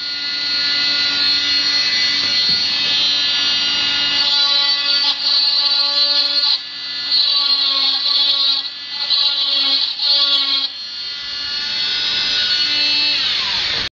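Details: Removing a left arm cast 6 weeks after a scaphoid fracture, at hospital: loud high-pitched whining oscillating cast saw that dips in pitch as the blade bites into the cast.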